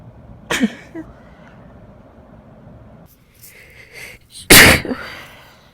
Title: Sneezing While Hiding (F)